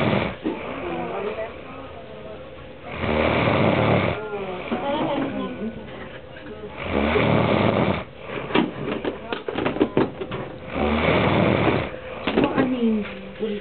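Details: Loud, rattling snores recurring about every four seconds, with people talking in the background; snoring.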